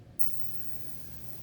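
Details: Dental office ultrasonic cleaner switched on, lid kept closed, no instruments from patients inside: click, then steady low hum with faint high hiss; ultrasonic cleaner running.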